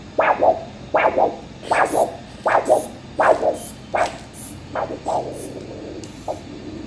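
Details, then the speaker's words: Lower-limb vascular Doppler assessment in a diabetic foot exam: a rhythmic whooshing pulse at about 80 a minute, each beat in three parts. A normal, elastic triphasic arterial Doppler signal. "P, QRS, T. Listen how elastic it is."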